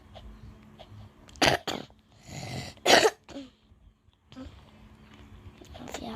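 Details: Child with a hoarse voice coughing while playing Roblox: a few sharp cough bursts with throat-clearing between them and light room noise.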